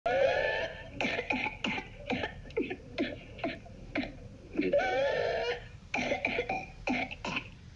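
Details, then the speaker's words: Rapid runs of short, bark-like coughs broken by long, high-pitched whistling whooping in-breaths; whooping cough (pertussis), a contagious bacterial respiratory illness caused by Bordetella pertussis. "panay ang kahol at parang may tunog ng pito sa dulo Baka ptosis na iyan"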